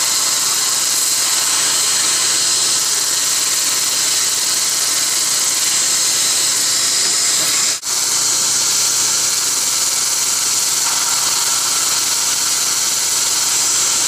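Steady high-pitched hiss and whine of dental instruments running throughout, with one brief break, during a laser-assisted root canal procedure.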